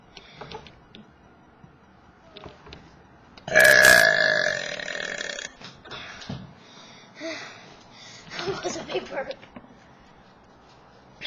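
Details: Deliberate, forced burping: one long, loud, voiced belch, then a few smaller belches with quiet talk in a room; the person is trying to make big burps and says it kind of hurts.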